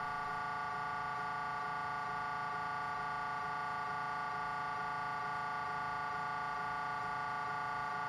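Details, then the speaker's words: GE Signa Excite 1.5T MRI scanner, standard brain protocol, coronal T2 GRE gradient echo sequence: loud, steady, rapid mechanical buzzing tone with fast regular pulsing; MRI gradient echo sequence noise. "foreign Echo pull sequence ay pangkalahatang layunin na mga psd na ginagamit upang makagawa ng 2D at 3D reconstructions"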